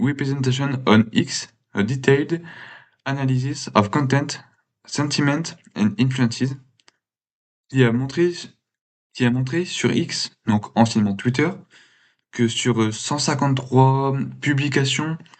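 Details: Man who has stuttered since he began to speak; stuttering.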